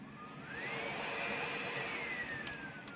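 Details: Floton BiPAP machine with tubing and mask connected, switched on: a steady airy whoosh with a whine that rises as the blower speeds up, then eases off.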